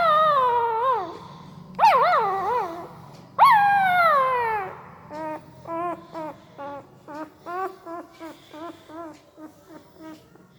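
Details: A newborn Pariah dog puppy gives a few long whining cries while asleep, then a run of short, soft, regular whimpers, most likely from dreaming.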